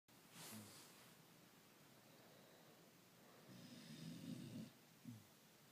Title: Corgi and owner snoring